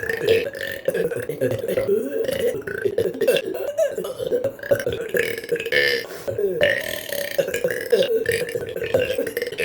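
A long run of loud, voiced belches, one after another, with short gaps between them.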